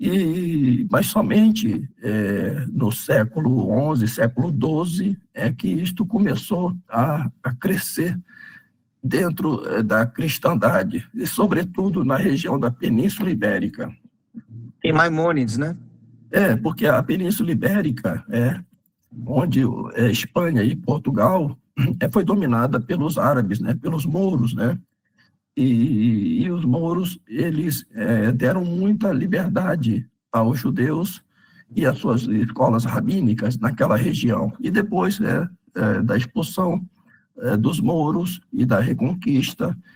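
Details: Adult man with spasmodic dysphonia treated with toxin injections; he says his voice is worse than last time as the toxin wears off after 3 to 4 months, next application due early July; spasmodic dysphonia.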